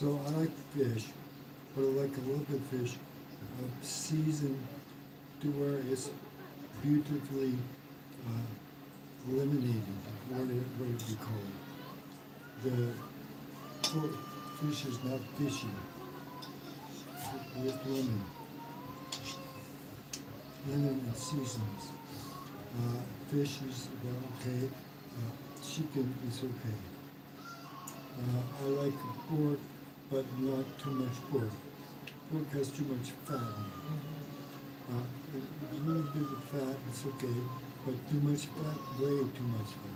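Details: Man, 115 days after a mild stroke, in self-therapy; word-finding pauses and repetitions; aphasia after stroke.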